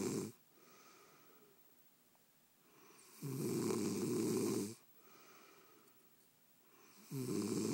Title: You Snore... I Don't